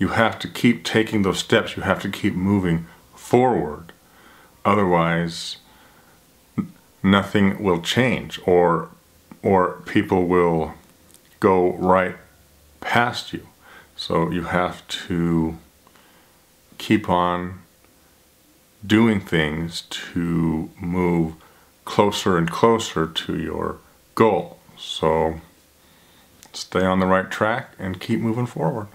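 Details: Adult man who stutters; a repeated word and long silent gaps that may be blocks; stuttering.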